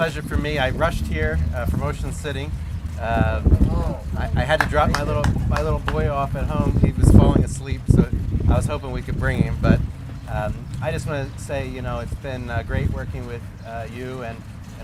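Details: Adult man speaking; normal speech.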